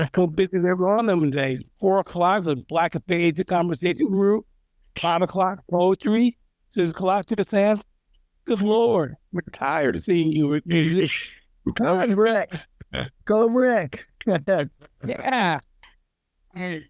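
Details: Aphasia after stroke in an aphasia social network group member; garbled, fragmented speech.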